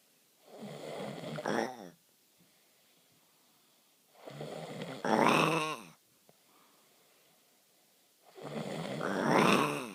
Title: Creepy Snore